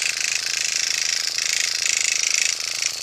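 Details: Motorized microneedling pen used at home on own bare, cleansed face by a woman over 50, second session (first about six weeks earlier), painless: steady high-pitched buzzing with rapid ratchet-like pulsing.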